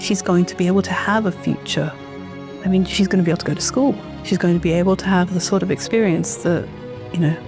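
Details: Adult woman speaking; typical adult speech.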